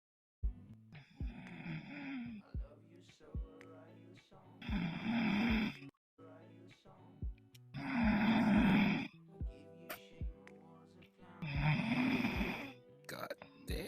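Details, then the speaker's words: Young woman snoring very loudly in sleep: loud, rough snores on each breath in, about 18 a minute, with quieter breathing between. "This snore, like, holy. What? She's like a grizzly bear."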